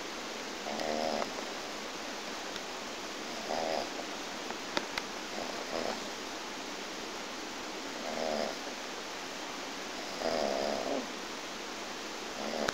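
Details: Soft, rattling snores every two to three seconds over steady background hiss, from a friend passed out drunk, described as an unusual, weird snoring sound.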